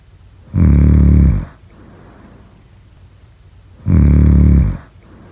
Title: # #snoring #snoring #snoringasmr #snoringsleepingsoundeffect #snoringsounds